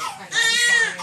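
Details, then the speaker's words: Loud, strong, vigorous crying from a newborn boy just after an induced, unmedicated (no epidural) delivery at 38 weeks, a third child who came out hollering and seems hungry; healthy newborn cry. "he's so mad. You say they ain't even have to check your lungs. You came out hollering."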